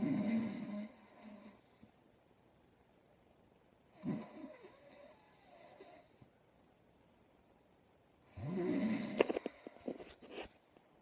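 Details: Loud rattling snores with long quiet gaps, three in about eleven seconds, the last ending in clicks and rustling; heavy snoring.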